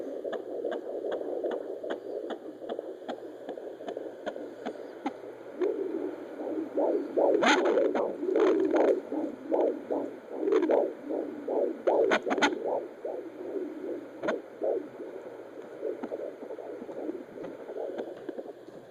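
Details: Fetal heartbeat on Doppler at 18 weeks of pregnancy: rapid whooshing at about 150 per minute, with bursts of noise as the baby moved and the probe was repositioned.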